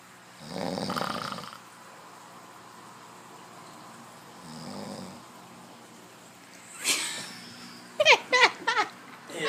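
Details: Two rough, rattling sleep breaths, a loud one then a softer one, followed by short sharp sounds near the end; snoring.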